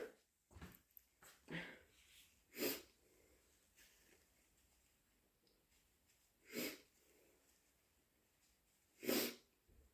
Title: Wet, powerful sneezes and nose blowing (Compilation)